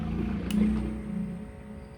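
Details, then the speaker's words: Steady low motor hum with a click partway through from an Indoplas automatic upper-arm blood pressure monitor pump inflating on first use after unboxing. "Okay so umuugong siya guys"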